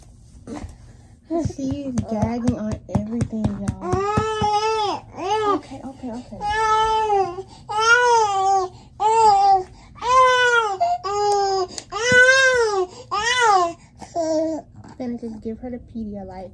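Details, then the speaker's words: Baby girl sick with flu, hungry and being fed baby food, fusses with short whimpers that build into loud, rhythmic crying bouts with gasping breaths between them; infant cry. "because she hungry I know and I want to go over the baby food to put more on her stomach so she gets full"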